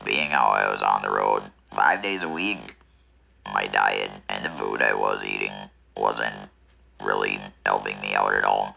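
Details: Man who had a laryngectomy for head and neck cancer, first diagnosed in 2014 with smoking a major factor and again in 2019; alaryngeal speech after laryngectomy.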